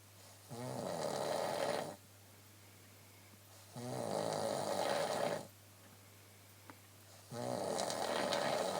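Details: Adult woman snoring in her sleep at night (1:15 am), said to happen every night: loud rattling snores on each breath in, about every three to four seconds; snoring.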